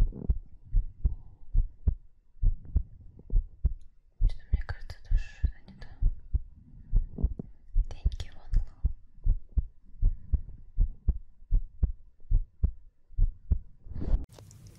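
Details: Steady, low heartbeat thumps at about 67 per minute, recorded as ASMR with soft whispering over parts of the recording; normal heartbeat.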